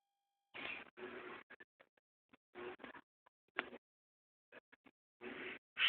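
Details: A 6-month-old baby girl gives a few short, breathy, deliberate fake coughs, apparently to stay awake; a voluntary cough, not a sign of illness.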